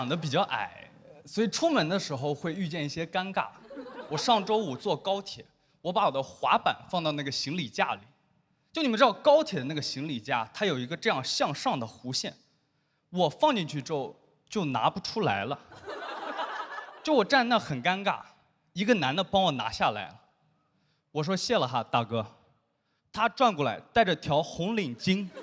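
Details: Adult speaker; normal speech.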